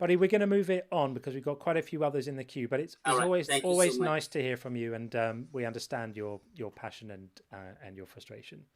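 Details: Adult man; ordinary speech.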